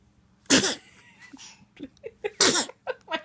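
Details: Two sharp, explosive sneezes about two seconds apart, with short voiced sounds between, while someone is being coaxed to talk and say mama.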